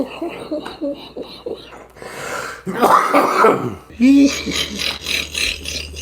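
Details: Coughing compilation: several rough coughs and throat clearing with short vocal noises between them, in a small room.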